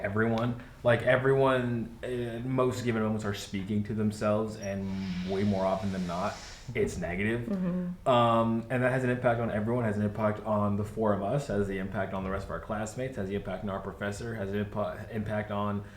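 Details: Adult male speaker; Normal speech.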